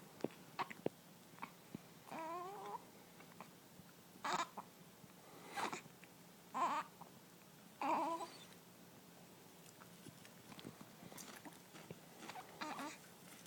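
Several short, abrupt voiced catches at irregular intervals, about four in ten seconds, with faint fussing sounds between them; hiccups.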